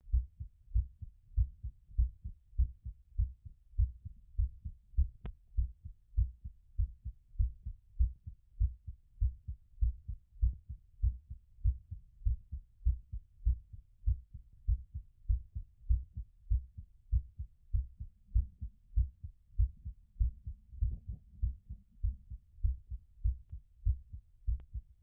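Steady, regular low thumps of the heartbeat at about 98 beats a minute, heard through a stethoscope. The quicker rate fits the heart slowing back down after exercise and is a normal response.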